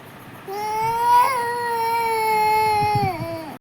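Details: Infant crying: a single sustained, high-pitched cry that trails off at the end, ordinary crying.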